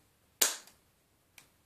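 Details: Sharp loud click then a fainter click about a second later as a Humira (adalimumab) autoinjector pen fires into the abdomen of a patient with Crohn's disease.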